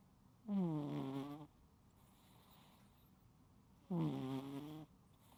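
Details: Loud snoring from a sleeping pet cat, unedited recording: two loud, buzzing snores about three seconds apart, with quiet breathing between them.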